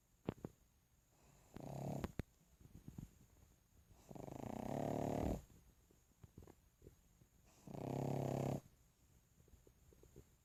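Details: Pug dog snoring: rattling, rumbling snores on each breath, three long ones in ten seconds, with small snuffling clicks between.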